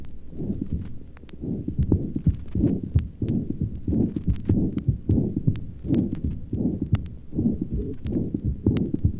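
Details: Systolic murmur with irregular rhythm (atrial fibrillation).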